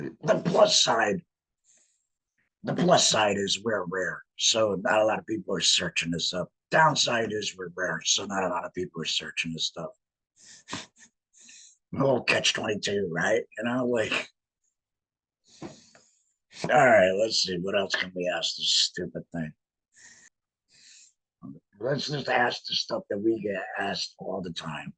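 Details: Man with a laryngectomy who speaks with a voice prosthesis in a tracheoesophageal puncture, sending trapped air up through the prosthesis to vibrate muscle; tracheoesophageal speech after laryngectomy.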